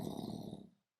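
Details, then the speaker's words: Adult's vocal imitation of snoring during a lecture: a single low, rattling, fluttery inhaled rumble lasting under a second. It depicts exhausted audience members falling asleep lying down. "start listening to snoring sounds because someone next to you just fell asleep, because we're not sitting, we can actually lay down because it's ... And then, another one starts to fall asleep. And then, people start snoring,"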